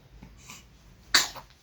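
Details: A baby kicking one leg gives a single short, explosive, hissy sneeze after quiet breathing sounds; sneeze.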